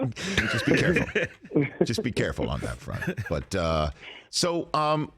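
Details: Adult male speaker; normal voice.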